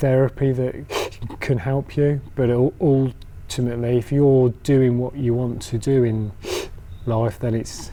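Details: Adult man who stammers: stammering (stuttering).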